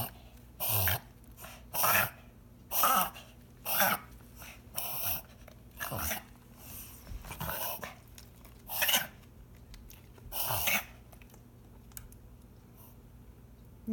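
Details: Dog with an ongoing breathing problem gives a run of about nine harsh, noisy coughs, roughly one a second, in a quiet room; dog coughing.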